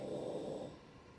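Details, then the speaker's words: A sleeping dog snores loudly, a single rough, noisy breath that fades after about half a second. "Can you guys hear how loud he is snoring? He is just living his best life down there."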